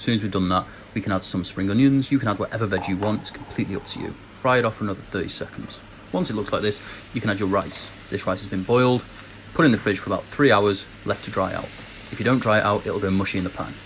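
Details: Adult male speaker; typical speech.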